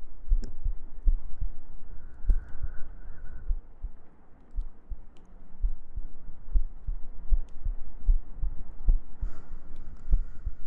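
Soft low thumps repeating at about 78 a minute over a faint hum: a steady heartbeat.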